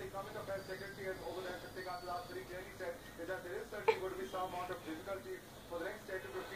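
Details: Baby crying for a Rs 500 note: infant crying.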